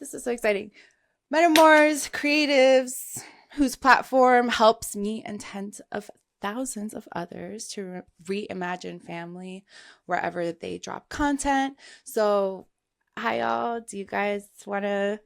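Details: Adult woman speaking; Normal speech.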